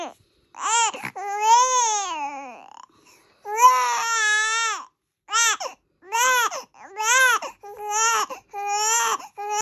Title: Old video, crying